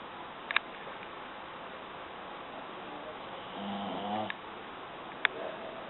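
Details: A pug snoring: against steady background hiss, a single low, fluttering snore on an in-breath with a few faint clicks.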